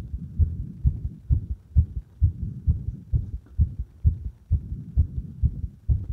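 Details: Regular, low, muffled normal heart sounds at about 130 a minute, heard at the apex with firm stethoscope pressure.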